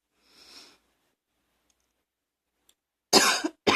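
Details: Coughing person with allergies: a soft breath, then two harsh, abrupt cough bursts; cough.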